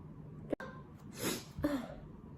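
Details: Young Taiwanese woman sneezing set off by a nasal swab test; she says her nose is allergy-prone. A quick catch of breath, then a sharp burst and a second sneeze-like blast.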